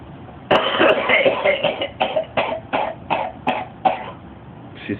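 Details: Chronic smoker's cough after 55 years of smoking, described as the craziest cough ever heard and sounding almost like laughing.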